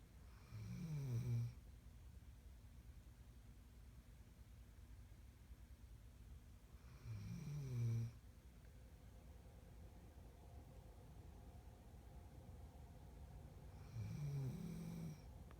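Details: Snoring during sleep: slow, low rumbling snores about every six to seven seconds, three in all, with quiet breathing between.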